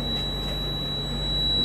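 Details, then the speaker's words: Steady high electronic tone from the apex locator built into a Woodpecker Endo Radar rotary endodontic motor; the tone shifts as the file advances toward the root apex, then alarms at the apex, after excess gel was reduced. "الصوت هذا دليل ان انت ايش؟ شوفوا كيف تدرج. تمام؟ اسمعوا الصوت يتغير. اول ما توصل لابكس بيعطيك ايش؟ انذار."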